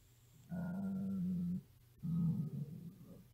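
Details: Hungry 13-year-old girl's stomach growling, recorded at a sleepover: two long low groaning rumbles from the belly, normal hunger borborygmi.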